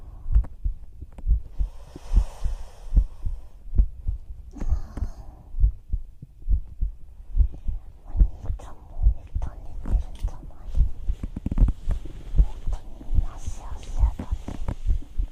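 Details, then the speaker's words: Steady, soft, low thumps with brief whispering over them in a heartbeat ASMR recording of a female's own heartbeat, about 71 beats a minute: normal heart sounds. "今日は本当にトクトクって音高いです。"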